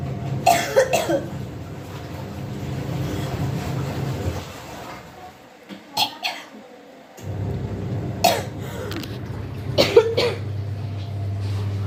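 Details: Recurring cough in a pregnant woman with a cold, also nausea, dizziness and vomiting: several short, sharp coughs in small clusters over a steady background hum.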